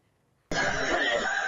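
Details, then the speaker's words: Single harsh, drawn-out cough on a forceful breath out, demonstrating the asthmatic cough, which occurs mainly on exhalation alongside wheezing. "천식이 있다고 하면 숨을 쉴 때 쌕쌕거리는 천명음이 있고 주로 숨을 내쉴 때 기침을 하게 됩니다."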